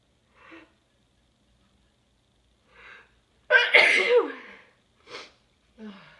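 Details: Big sneezes, possibly from allergies: short in-breaths building to one loud, explosive sneeze, followed by a few quieter breaths.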